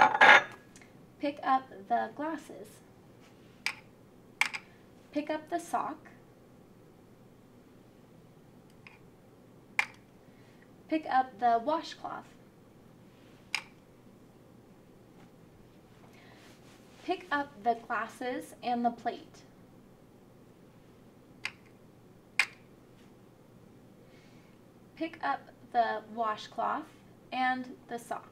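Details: Adult examiner speaking; no disorder.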